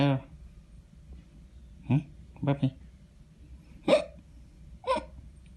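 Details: Newborn baby: five short, abrupt voiced catches in about five seconds with soft room noise between; newborn hiccups.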